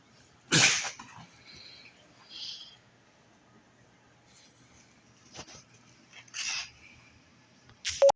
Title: Bernese mountain dog big ol sneeze 🤧